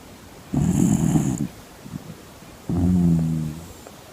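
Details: Yorkshire terrier cross snoring while asleep: two loud rattling snores about two seconds apart, each roughly a second long.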